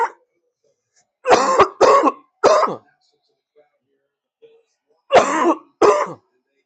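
An adult gives five harsh bursts in two groups, three then two, a mix of coughing and throat clearing after inhaling smoke, in a quiet room.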